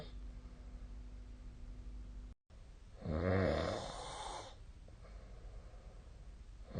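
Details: Snoring during sleep recorded with the SnoreLab app: one low, rattling snore on an in-breath over steady room hiss.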